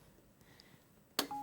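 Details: Faint tap, then a short two-part electronic beep confirming a touchscreen selection on a Servo-n neonatal mechanical ventilator in a training demo, while switching ventilation type to non-invasive.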